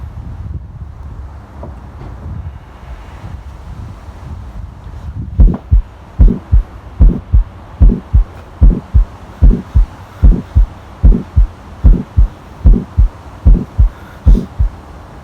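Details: Regular heartbeat at about 74 a minute with a heart murmur, after several seconds of rumbling handling noise; recorded for a cardiovascular system science project.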